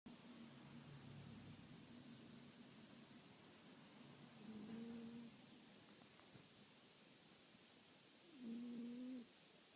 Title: Spooning snoring cats